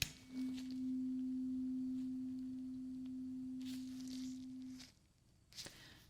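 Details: Tuning fork in an ASMR role-play ear exam hearing test: a clear, steady pure tone lasting several seconds, then stopping, with soft rustling around it.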